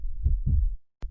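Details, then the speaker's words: Normal heart sounds of a female dog through a stethoscope: two low thumping beats; a common heartbeat heard when evaluating an animal's heart. "It's a very common heartbeat that we hear when listening to and evaluating the health of an animal's heart."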